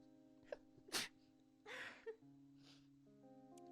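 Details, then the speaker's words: A single sudden, unexpected sneeze from an adult woman, with a short breath before it, over soft background music during a live stream. "oh I got attacked by a sneeze that felt like oh no I have chocolate on my pants sorry bless you thank you it was you ever just get like surprised by a sneeze like where did that come from"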